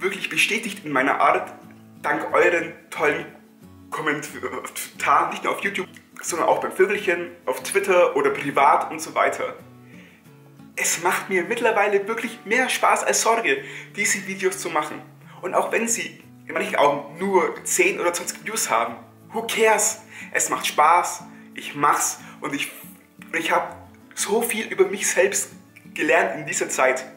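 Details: Adult German-speaking man who stutters and says stress worsens his speech; stuttering.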